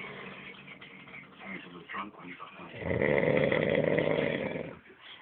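Low, rough, rumbling breathing noise that swells into a loud, sustained snore, with quieter muffled sounds before it.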